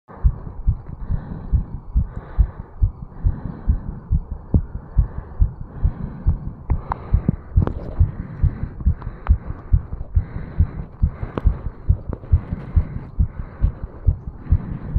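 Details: 35-year-old male, stethoscope at the mitral (bicuspid) valve area after jogging up stairs: rapid, regular heart thumps, with some running noise, a normal fast heartbeat after exercise.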